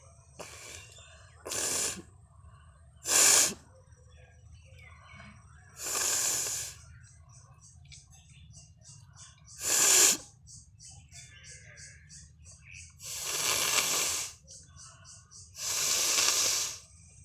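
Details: Sneezes deliberately provoked by tickling the nose with a stick: several hissing, breathy sneeze-like bursts and sniffs over a steady low hum and small clicks; sneezing.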